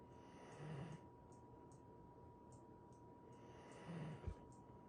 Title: I LOVE his snores #dog #shorts #fyp